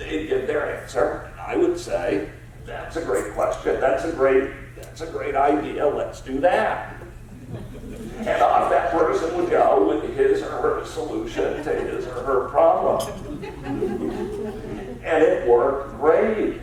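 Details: Adult man with spasmodic dysphonia, a rare neurological disorder affecting only speech with no known cause or cure, treated with periodic Botox injections; spasmodic dysphonia.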